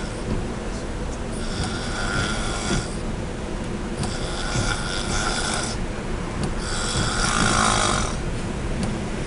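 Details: Loud, rasping snores with each breath, about three in nine seconds, from a woman sleeping in a truck, over constant room noise; snoring.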